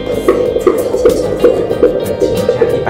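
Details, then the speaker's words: Fetal heartbeat of a mother's third pregnancy, heard at home on an Angelsounds ultrasound Doppler below the navel: fast, regular, loud galloping, hoof-like thumps, averaging about 150 bpm. "刚刚这个超大声，你们应该有听到吧？所以我们今天成功找到了。"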